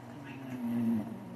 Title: adorable shih Tzu snores!! #adorable #shihtzu #snore #eepy